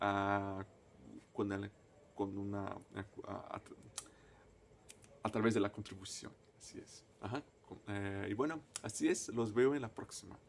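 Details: Stuttering in a person who stutters, a native Portuguese speaker speaking Spanish as a foreign language.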